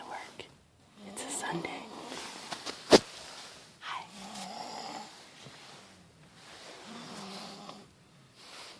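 Soft, rough breathing noises recur with each breath in a quiet room, with faint whispering; light snoring.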